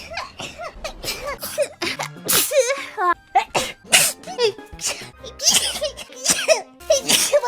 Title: Hololive Sneeze in 1 minute